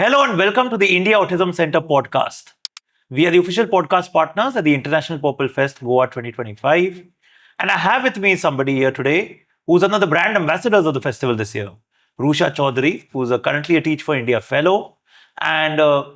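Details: Adult male podcast host; Normal fluent speech.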